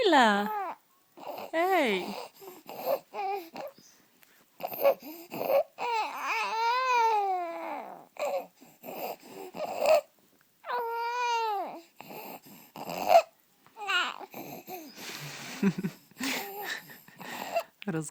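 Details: Six-week-old infant girl with inspiratory stridor from laryngomalacia (congenital laryngeal floppiness): cooing and babbling with harsh, noisy breaths between sounds.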